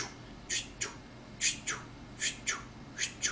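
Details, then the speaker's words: Doppler ultrasound of a 5 to 6 week embryo: soft, regular, paired whooshing pulses of the heartbeat at about 102 to 110 a minute, slow but normal for this age. "y eso es normal y lo vamos a ver con el color en un flash que prende y apaga vamos a escuchar el latido de sitio"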